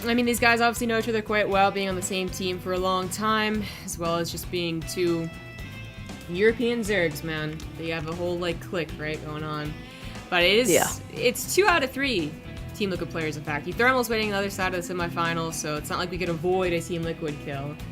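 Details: Adult male commentator; normal voice.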